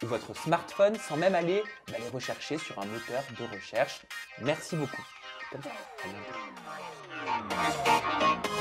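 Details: Adult speaker (interviewer), French; Typical speech.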